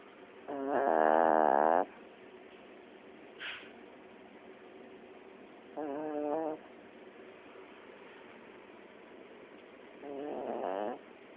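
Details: Sleeping chiweenie (small dog) that fell asleep very tired: three loud, rough snoring sounds with a buzzing tone, each after a pause of quiet breathing; snoring.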